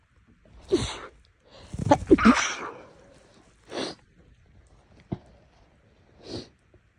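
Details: Repeated sneezing: several short explosive bursts of air through the nose in quick succession with sniffing between, from an itchy, bothered nose.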